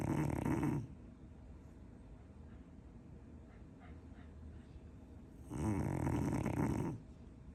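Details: Snoring from a sleeping dog: loud, fluttering, raspy snores on each inspiration with quiet pauses between.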